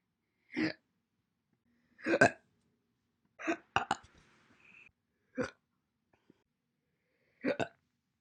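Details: Single hiccups compiled from separate recordings made January 1 to April 30, 2021: six abrupt, voiced hiccup sounds separated by silence; hiccups (singultus).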